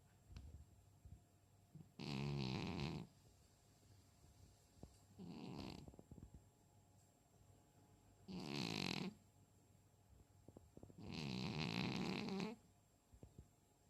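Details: Cat snoring in steady rattling bursts, about one every three seconds, in a quiet room; snoring.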